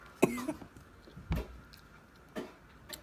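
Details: Few short, sharp coughs with throat clearing while eating leftover chicken covered in hot sauce during a spicy chicken challenge; coughing brought on by very spicy food.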